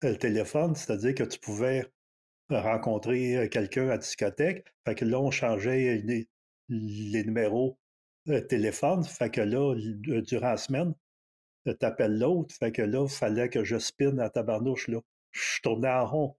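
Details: Retired adult man in his sixties who stutters; stuttering.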